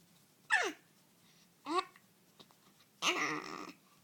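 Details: Infant hiccups, three short, abrupt voiced catches about a second apart in a quiet room; hiccups.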